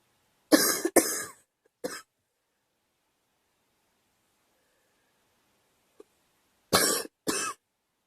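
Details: Two clusters of dry coughs from a girl separated by a pause, about five coughs in all.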